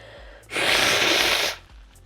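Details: Sneeze in a streamer with a cold, runny nose and lost taste: one sudden, hissing, breathy burst lasting about a second over quiet room noise.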